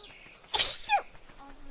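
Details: A VTuber sneezing during an ARK stream after saying her nose was itchy: a short hissing burst, then a high little voiced tail; a small, soft sneeze.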